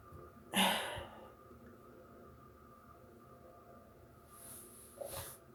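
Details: Sneeze deliberately induced by sniffing black pepper: one loud, explosive sneeze, then quiet breathing and a softer sniff or second burst near the end in a small room.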